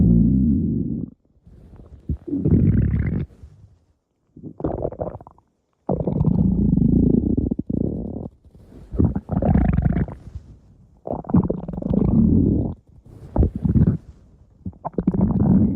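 Long, loud gurgling and rumbling bursts with brief pauses; ordinary stomach growling from gas and fluid moving through the gut.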